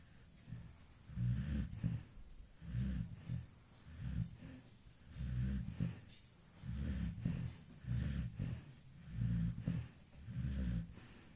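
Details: Soft, low, rumbling snores from an infant sleeping relaxed at 2 a.m., recurring with each breath at about 45 per minute: infant snoring.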